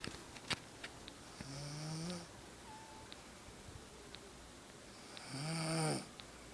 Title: Snores